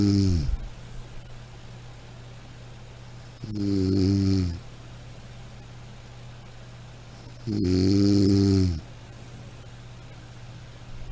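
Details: Sound-effect recording of snoring: two slow, buzzing snores about four seconds apart over a steady room hum.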